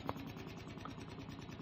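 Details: High-frequency oscillatory ventilator on a critically ill child in a demonstration, amplitude raised from 53 toward 60 cmH2O delta pressure to improve chest wiggle, saturation 89%: quiet, fast, steady mechanical buzzing and rattling.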